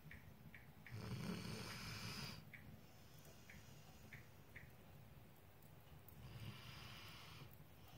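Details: Soft snoring by the fire: soft, rough breathing noises with low rumbles over a steady background hiss and faint fire crackle; gentle snoring.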